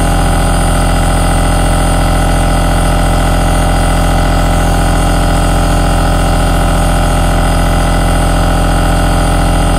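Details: Continuous aerosol nebulizer compressor noise recorded as a long relaxing ASMR sound: nebulizer compressor running.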